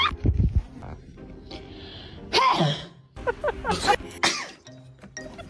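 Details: Several short explosive sneeze bursts, with background music and brief voices; sneezing.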